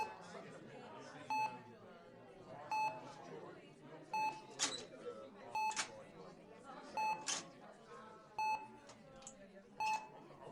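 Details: Intensive care unit ambience: steady electronic monitor beeps, about one every 1.4 seconds, over murmured voices and room noise in a busy ward.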